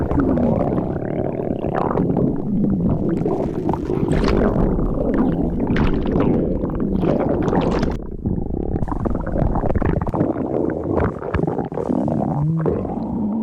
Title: STOMACH GROWL